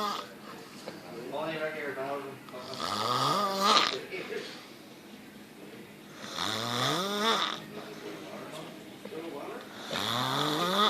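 Three loud, rattling snores with rising pitch, about 17 a minute, with quieter breathing between; background music is faint.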